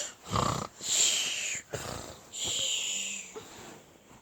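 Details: Dog fake snoring while awake, on request: short snuffling snorts and high, whistling breaths, not true sleep snoring.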